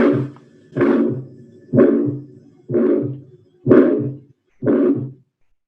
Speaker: É um sopro bem no começo. Ele começa com o sopro. Ó. Se ele começou com esse sopro, eu estou falando de um sopro o quê? Sistólico.